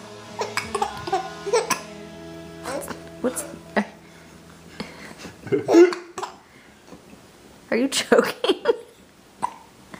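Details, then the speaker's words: Baby with giggle hiccups: short, sharp hiccup sounds mixed with the child's laughter, with adult voices and music in the background. "oh you got the hiccups hiup hicup laugh"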